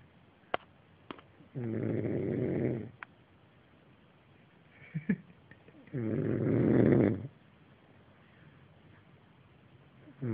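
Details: Long, rattling snores on the in-breath, about 13 a minute, with small clicks between them; ordinary snoring.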